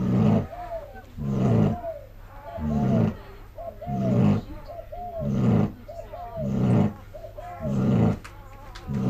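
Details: Regular, rumbling snores at about 50 a minute with a squeaky whistling note between them, during sleep after being up all night giving birth; snoring.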